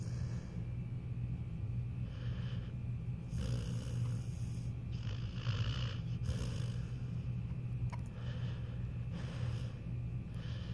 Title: My pitbull snoring and jerking in his sleep.